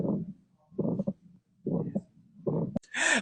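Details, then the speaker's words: Simulated heart sound from a heart sounds app used as a study quiz, answer aortic stenosis: heartbeat about 75 a minute with a harsh systolic murmur. "right what do you think that this heart murmur is oh holistic Salt Lake River holocystolic let's check and the answer is aortic stenosis"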